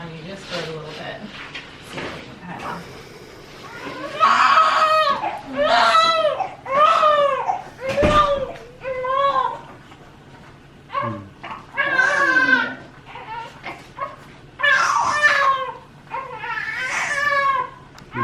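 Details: Newborn boy just delivered after induction for leaking waters, born 7 pounds 4 ounces, 19.5 inches: repeated strong, vigorous high-pitched crying in bursts with quieter gaps and adult voices nearby.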